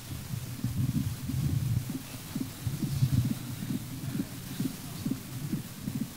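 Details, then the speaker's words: Muffled heartbeat with a soft systolic ejection murmur and fixed splitting of the second heart sound, typical of an atrial septal defect, played during a paediatric cardiology lecture. "Donc c'est le dédoublement du deuxième bruit qui est fixe. Donc, ça c'est le truc le plus facile, c'est CIA. D'accord? Donc souffle éjectionnel, mais avec un dédoublement du deuxième bruit."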